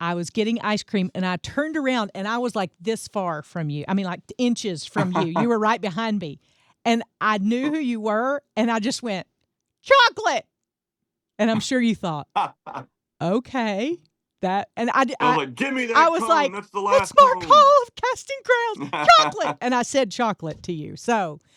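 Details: Adult woman; ordinary speech.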